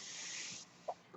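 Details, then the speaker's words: Half-second airy hiss of delivered breath, then quiet and a brief soft tone from the podcaster's own home mechanical ventilator, heard as the recording opens. "Hello everyone, my name is, that noise you're hearing is my ventilator."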